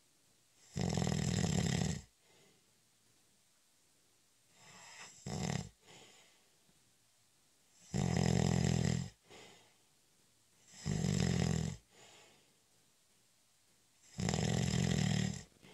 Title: 20 Minute Snoring Audio In Honor of National Nap Day- It's a cat nap!